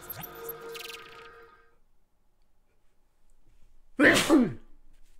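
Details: A single loud, forceful sneeze from an adult, part of a sneezing fit accompanied by coughing and watery eyes.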